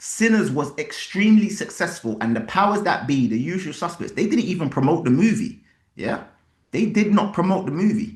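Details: Adult speaker; ordinary speech.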